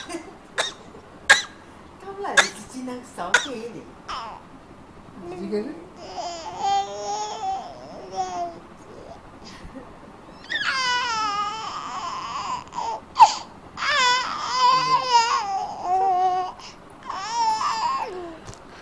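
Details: Infant girl makes a series of short, deliberate fake coughs mixed with babbling and high-pitched vocal sounds: voluntary (fake) cough.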